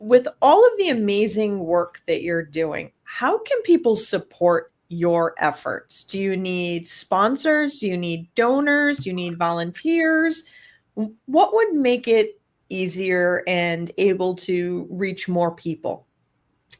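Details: Adult woman speaking; normal speech.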